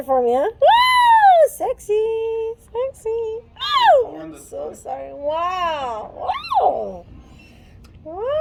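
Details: Adult woman with Tourette syndrome producing involuntary repeated word utterances, then apologizing; vocal tics (Tourette syndrome).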